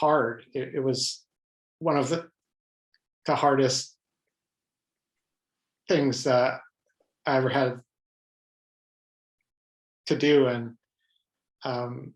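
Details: Adult man with lifelong stuttering, pattern mostly blocks, who reports hundreds of different ways he stutters, speaking spontaneously in a real interview; stuttering with blocks.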